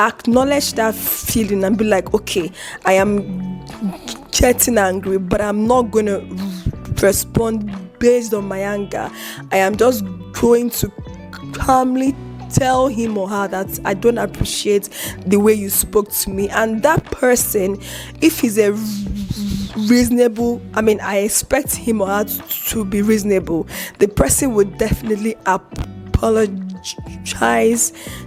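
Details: Adult woman with a chronic stutter (stammer), publicly disclosed about two weeks earlier; she reports eye twitching and unusual mouth movements during blocks, managed by gesticulating and deep breaths; stuttering.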